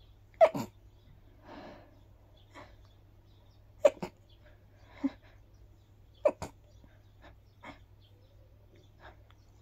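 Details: Sneezing after a walk in the park, attributed to grass pollen: three sharp, explosive sneezes, each a quick double burst, with soft breathy sniffs and exhalations between.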